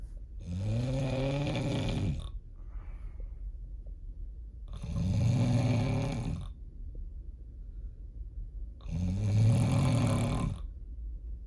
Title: PART 2!!!! Snoring like diesel truck